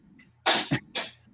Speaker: Do you hear the sneezing? I can. That's one over here.